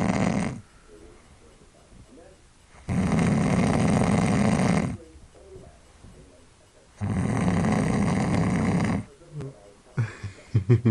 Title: Snoring man!!